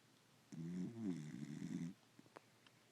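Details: Dog asleep on the owner's lap: a single long, low, rattling breath of about one and a half seconds, with quiet room noise after it. Snoring.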